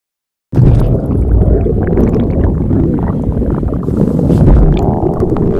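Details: Continuous low rumbling and gurgling stomach growling (borborygmi) from gas and fluid moving through the gut.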